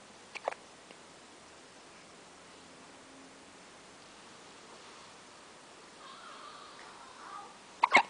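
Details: Quiet room with a few short, sharp hiccup sounds at the start and a louder pair at the end; a baby's hiccups.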